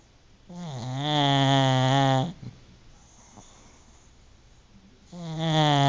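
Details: Pug asleep, wrapped in a blanket, snoring as usual: loud, buzzing, tonal snore drawn out over about two seconds, a quiet pause, then the next snore starting.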